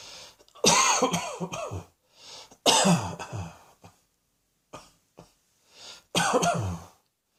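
Three strong bouts of hacking coughs, each of several bursts with a throat-clearing quality, and short breaths between them.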